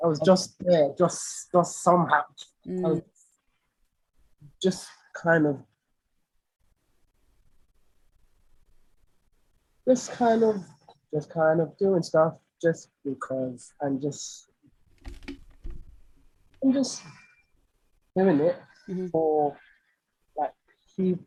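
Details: Stuttering (stammering) in an adult male singer with a lifelong stammer; his own conversational speech.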